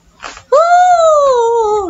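A vocal imitation of stridor: one sustained, high-pitched, harsh tone lasting about a second and a half, dropping in pitch at the end. Stridor signals upper airway obstruction and is an emergency needing urgent escalation and airway preparation.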